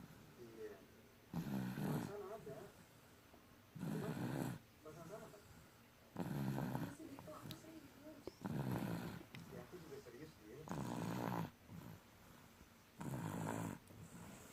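Loud, rough snores repeating at about 6 to 7 per minute, with quieter breathing between them.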